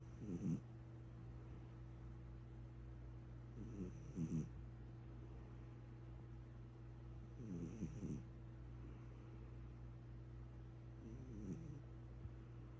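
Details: Sleeping cat snoring in soft, rattly bursts about every four seconds, roughly 16 breaths a minute.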